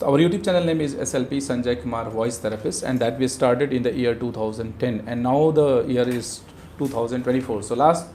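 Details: Adult male speaker; normal voice.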